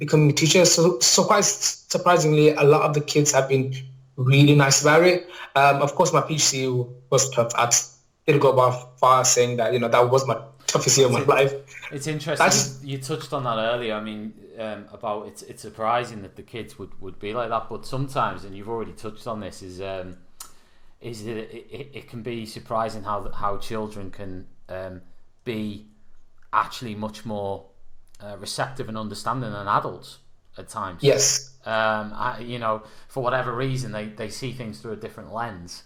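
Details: Adult male maths teacher with a lifelong stammer that mainly blocks on certain words or sounds and is worse when nervous; stammering (stuttering).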